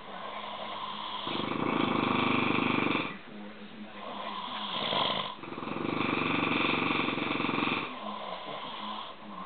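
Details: Two Italian people snoring at night; snoring.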